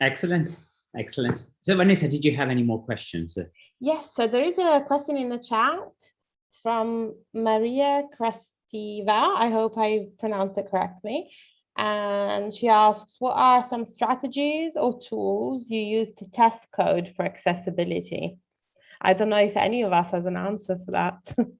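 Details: Adult female speaker; ordinary speech.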